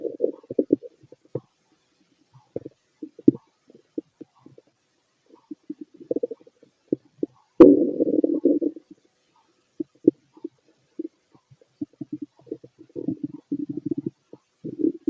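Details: Bowel sounds of a fit male heard through a stethoscope during digestion of pastry, chicken, curry, bread, milk, eggs and pasta: frequent gurgles and clicks with a longer rumbling run, normal active bowel sounds.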